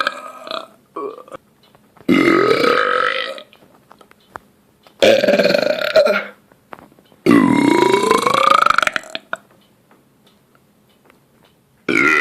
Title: Loud Burp Compilation 6